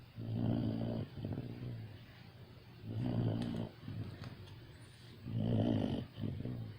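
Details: Saint Bernard snoring in sleep: deep, rumbling snores, about three breaths in seven seconds, each with a rattling inhale and quieter exhale.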